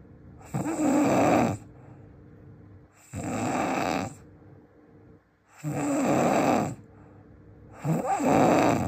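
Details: Described as the loudest snoring in the world: four loud, harsh, rattling snores on inhalation, about 24 a minute, separated by quieter pauses; very loud snoring.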